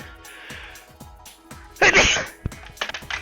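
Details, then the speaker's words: One forceful, explosive human sneeze during a video-game stream, followed by a sharp thud as a controller is dropped; violent sneeze. "I'm sorry. That was a hard sneeze, dude."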